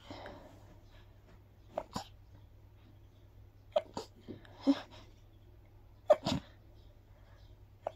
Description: After a walk in the park... Grass pollen really gets to me 🤧